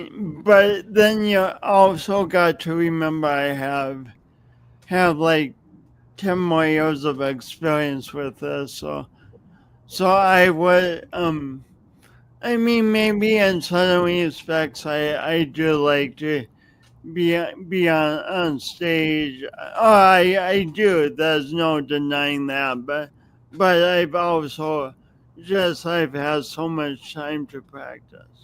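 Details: Speech impediment with stutter-like disfluency in an adult man who has lived with it for many years and says everyone hears it whenever he speaks.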